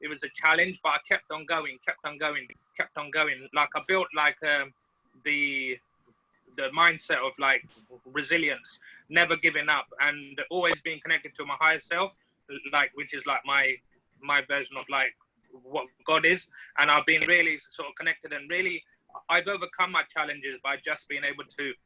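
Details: Adult man from the UK who stammers, uses fluency shaping tools and says his speech used to be much worse; stuttering.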